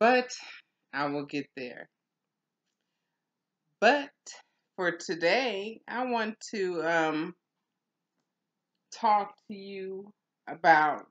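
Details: Adult woman in stroke and aphasia recovery; aphasia after stroke.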